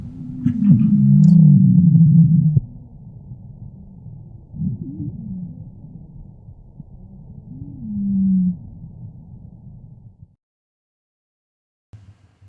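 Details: Teaching recording of abnormal breath sounds: wheezes.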